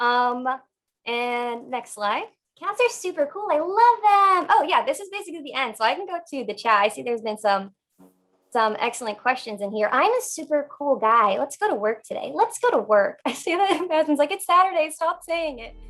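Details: Adult woman with Tourette syndrome, tics since age 7, diagnosed in childhood; complex vocal tics with palilalia, echolalia and coprolalia, mostly without premonitory urge, worse after earlier suppression; complex vocal tics (Tourette syndrome).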